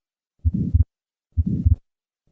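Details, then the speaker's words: Innocent systolic murmur used for teaching: heartbeat near 63/min with a soft murmur peaking early in systole, reflecting normal flow velocity across the aortic valve, in contrast to the late-peaking murmur of aortic stenosis. "innocent murmurs reflect a normal flow velocity profile across the aortic valve aortic stenosis on the other hand has a delayed Peak reflecting the increased obstruction to outflow"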